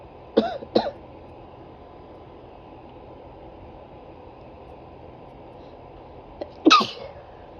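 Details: Female sneezing set off by a small makeup brush dipped in black pepper: two quick short sneezes, a pause, then a third louder sneeze over steady room hiss.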